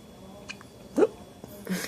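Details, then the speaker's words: Hiccups: one abrupt, squeaky gulping sound, likened to a squeaky toy, against quiet room noise; the hiccups are described as frequent. "You got lots of hiccups, huh? You ready? You got the hiccups?"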